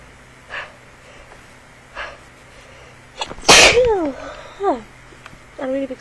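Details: A few quick in-breaths, then one loud explosive sneeze followed by brief voiced sounds; part of a sudden sneezing bout that interrupted speaking while recording.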